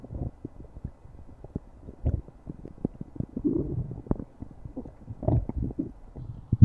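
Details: Stomach growling (borborygmi).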